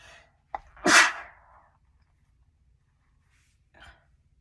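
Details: One forceful, wet sneeze preceded by a brief intake of breath and followed by a soft breath; sneeze.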